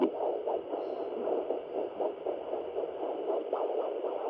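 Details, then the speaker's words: Handheld human fetal Doppler on the belly of a pregnant dog at about 45 days: whooshing pulses, the slower maternal heartbeat overlapping a faster pup heartbeat. "and this faster one is a pups let's see if we can try one in a different spot where it's not overlapping"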